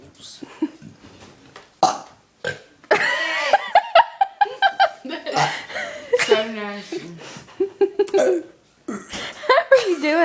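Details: Several loud, drawn-out voiced belches with brief pauses, amid laughter and talk, from a boy deliberately burping repeatedly, reportedly by swallowing air; repeated burping.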